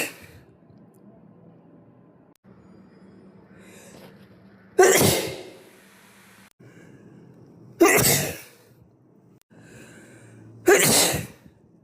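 Three sharp sneezes about three seconds apart, with quiet breathing and low room hum between them.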